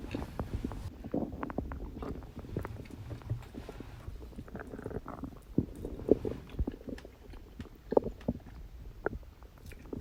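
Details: Stomach growling on a birthday after eating cake: soft gurgles, low rumbles and small pops from the belly, ordinary normal digestive borborygmi.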